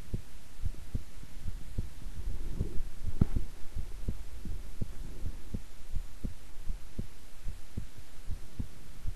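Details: Own heartbeat recorded at length while staying still and relaxed: steady, soft low thumps at about 70 a minute over a quiet hum; ordinary resting heartbeat.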